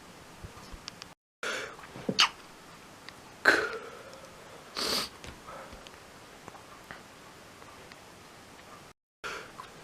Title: few sneeze's